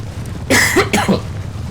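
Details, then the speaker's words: Two harsh, forceful cough bursts from an adult man sick with a really bad cough since Christmas, with a low steady hum behind them; cough. "As you can hear, that cough is the reason why it took me so long to start recording again."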